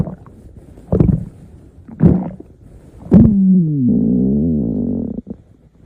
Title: Stomach Growling!